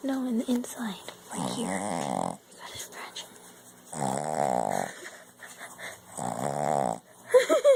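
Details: Sleeping puppy snoring: three rattling, buzzy snores at about 24 a minute, with brief squeaky sounds at the start and end.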